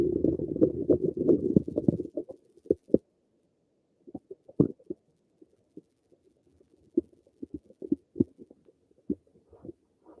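A loud gurgling rumble, then scattered short pops and gurgles from the stomach: ordinary bowel sounds.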